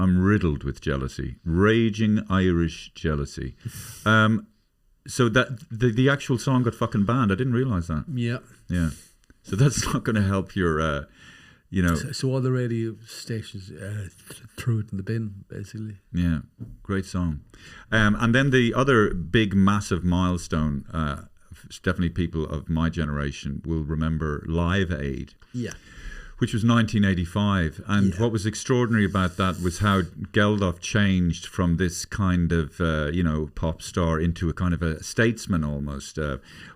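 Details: Adult male speaker; normal speech.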